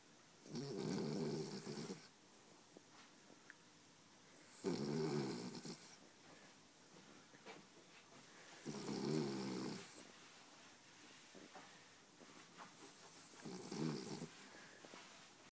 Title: Lola the Dandie Dinmont dreaming & snoring!